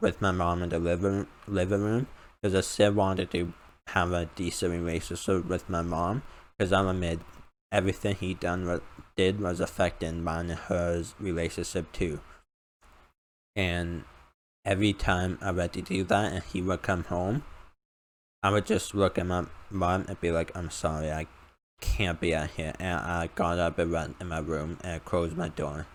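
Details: Male speaker with a self-described uncontrollable speech impediment, improved after about 10 years of speech therapy; formerly used an iPad button talking device, not used for almost three years; speech impediment.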